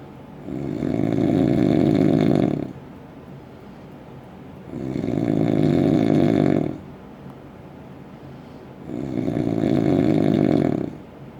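Three long, loud, rumbling snores about four seconds apart, roughly 14 a minute, with quieter breaths between. Heavy snoring.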